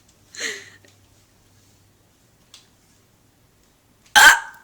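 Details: Recurring hiccup episode after eating Chinese food: two abrupt voiced hiccups a few seconds apart in a quiet room, with a faint click between.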